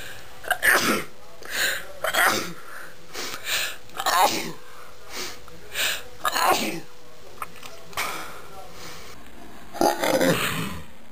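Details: Self-induced real sneezing: a run of about ten to twelve sharp sneezes in close succession, separated by brief pauses.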